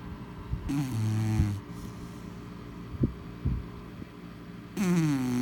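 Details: Female chow chow ("baby girl", though no longer a baby) snoring: two loud, low, buzzing snores with quieter soft breaths between them.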